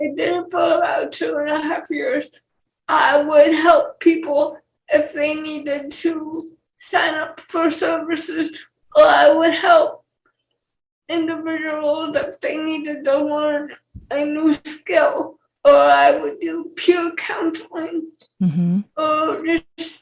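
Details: 28-year-old woman with cerebral palsy who also has cortical vision impairment; dysarthria.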